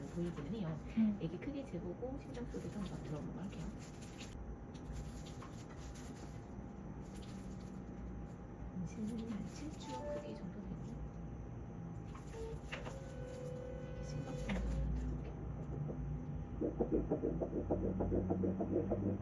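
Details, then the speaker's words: Normal fetal heartbeat on ultrasound Doppler at 6 weeks 5 days of pregnancy (second visit; embryo about 1 cm, 7-week size, heart beating well): fast, rhythmic whooshing pulses with faint room noise. "심장도 잘 뛰고 있고요."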